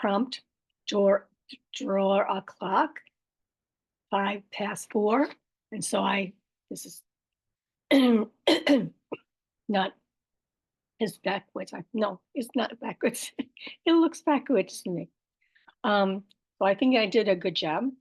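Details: Aphasia with apraxia of speech, plus dysarthria, in an adult woman after a stroke about five years earlier.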